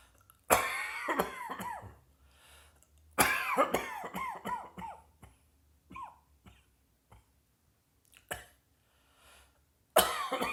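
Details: An adult gives repeated harsh coughs in short bursts, two runs of about five coughs each plus a few single coughs, in a quiet room.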